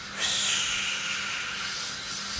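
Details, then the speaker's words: Dental air syringe drying the site of two missing upper front teeth, with cotton rolls placed under the lips, before cementing a fixed cap/bridge. Steady high-pitched hiss of air. "तो दात लगाने से पहले थोड़ा हम उसको सुखा रहे हैं उस जगह ताकि सीमेंट अच्छे से सीमेंट हो सके"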